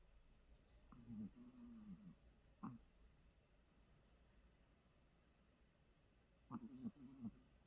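Quiet room with a few soft, low nasal snorts and snuffling breaths from a sleeping puppy; ordinary snoring.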